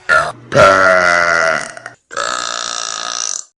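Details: Burp from a Vine burp compilation: a loud, drawn-out voiced burp, then a second long, steady burp after a short pause.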